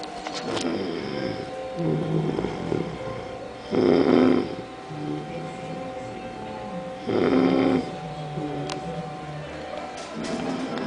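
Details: Loud, rough, rattling snores about three seconds apart over steady background noise; heavy snoring through a congested nose.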